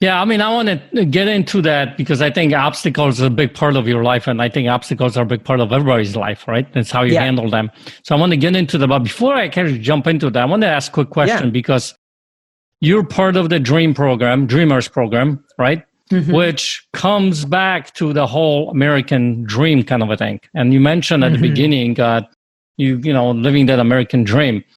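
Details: Adult male speaker; normal speech.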